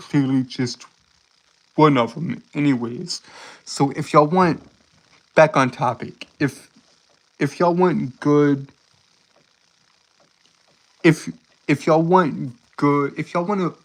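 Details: Male streamer with a self-reported speech impediment and stuttering: stuttering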